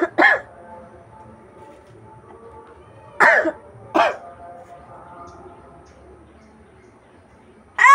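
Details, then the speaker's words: Forced sneezes deliberately provoked by tickling the nose with a banana flower in a sneezing challenge: several short, sharp sneeze-like bursts over background music, with eyes watering and the speaker noting the sneezes were not coming properly. "এই যে দেখো এটা কলাফুল তো কলাফুল দিয়ে আমি একটা sneezing video করবো তো তোমরা দেখতে থাকো"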